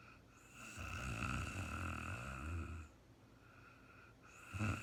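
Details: Real-time recording of an adult woman sleeping after being very tired: a long, low, buzzing snore followed by a short snort, with a faint steady tone in the background; snoring during sleep.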